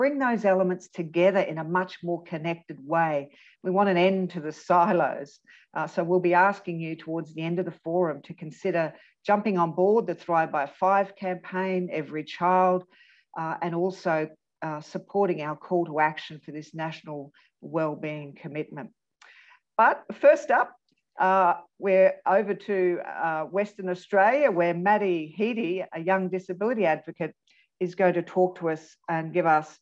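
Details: Adult woman speaking; typical speech.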